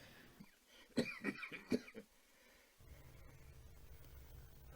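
A short run of about four harsh coughs with throat clearing, then steady room noise; a persistent chronic cough.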